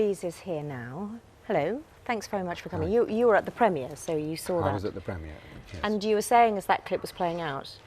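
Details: Adult presenter; fluent speech.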